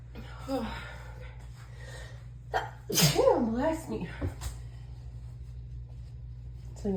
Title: Allergy Fit | Female | Dizzy Sneezing Fit